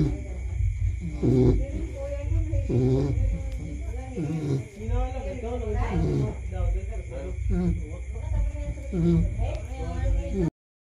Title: cute baby pig snoring while asleep #viralshorts #babypigsnoozing#fyp